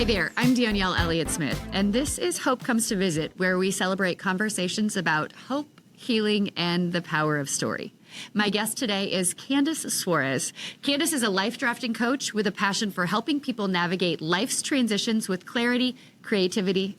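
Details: Adult woman speaking; normal speech.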